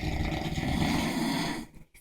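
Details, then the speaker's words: Two overweight men sleeping deeply, one having dropped his phone; loud, rough, rattling breath noise sustained over a second then fading; heavy snoring. "sound like they sound like [ __ ] Pokemon sleeping"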